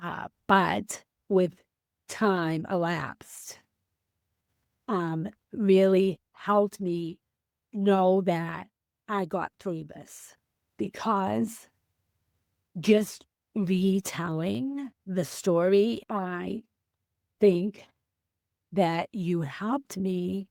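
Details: Female teacher with aphasia after a stroke on January 28, 2010; she could not speak at all for three months and is now 15 years post-stroke; aphasia.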